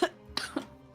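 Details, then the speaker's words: A weird-sounding adult cough during a live-streamed game, which the speaker insists is real, not faked; cough. "sorry I like it's just one of those really weird coughs like it sounds like I'm faking but I'm not I promise"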